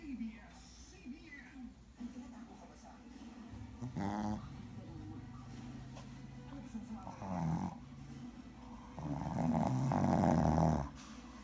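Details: A sleeping Shih Tzu puppy snoring: soft rumbling snorts and snuffling breaths that grow louder toward the end, with faint room noise.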